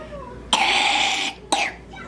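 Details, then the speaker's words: Sick toddler, eating pancake while ill at home, gives one harsh cough burst then a shorter second cough, faint room noise. "oh that cough oh careful honey"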